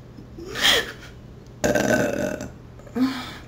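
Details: Three voiced belches in quick succession, the middle one long and drawn out; deliberate burping after drinking fizzy drink.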